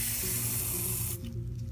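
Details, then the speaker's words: Steady loud hiss of vapocoolant cold spray cutting off abruptly over low hum, numbing a sore spot on a toe after alcohol cleaning, before a small scalpel incision. "you're going to clean this with alcohol then you're going to spray it really good with cold spray and you're going to take the scalp"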